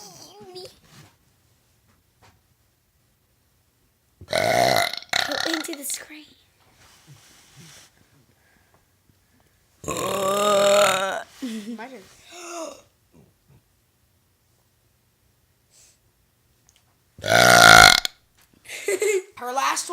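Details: Burping challenge between a girl and another player taking turns: three loud, long, deliberate burps, each followed by brief talk and laughter.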